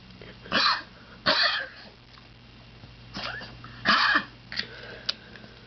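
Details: Dog with a lump believed to be cancer, struggling to breathe in the evenings, gives four harsh, dry hacking coughs then two smaller catches over a faint hum; repeated coughing.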